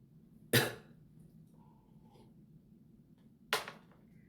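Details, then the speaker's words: Adult man with a cold, attributed to dry air on a plane and taking medicine, gives a slight cough during a live stream; says his throat is fine. "喉大丈夫なのかって?大丈夫だよ咳がちょっと出てます喉は大丈夫です"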